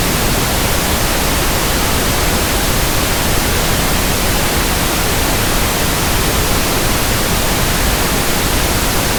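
Steady, even static hiss with a soft, deep tilt, used as a tinnitus-matching sample for persistent background ringing or buzzing.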